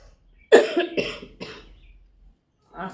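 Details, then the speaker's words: Three short, harsh coughs in a quick run, then a pause; recurring cough that had cleared and returned, attributed by the speaker to allergy from fabric dust. "ചുമ മാറിയതാ വീണ്ടും പിന്നെ വന്ന്. ഈ തുണിയുടെയൊക്കെ പൊടി കാരണം അലർജിയുടെ ചുമയാണ് കേട്ടോ."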